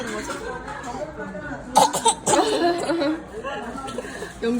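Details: A 22-month-old toddler gives two short, playful pretend (voluntary) coughs amid adult chatter and soft laughter.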